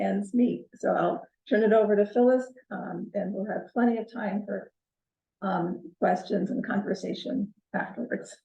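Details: Adult woman speaking; Normal voice.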